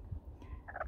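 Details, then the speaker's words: Short low clucking and a brief higher call from a tiny serama hen sitting on eggs on day 17 of hatching, broody noises made while her face is being rubbed. "they love having their faces rubbed even though she's making broody noises"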